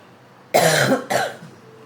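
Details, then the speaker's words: Adult with a cough lingering after a cold, otherwise feeling fine; doctor said a dry cough is fine: two short, harsh cough bursts without rattle or mucus sound, quiet room; dry cough. "But yeah, you can hear it's a dry cough. It's a dry cough."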